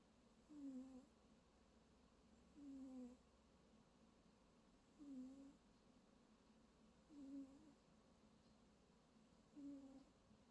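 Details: Snoring while napping: soft, low, regular snores, about 27 a minute, over quiet room noise.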